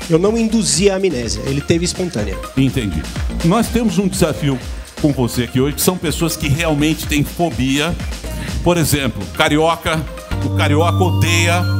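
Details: Adult male speaker; normal speech.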